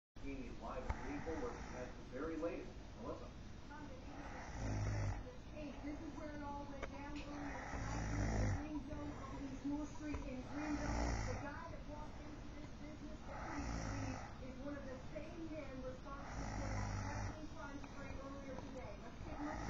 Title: Snoring girl